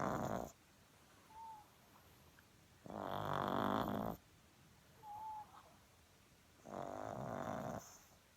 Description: My pug snoring.... sleep popper...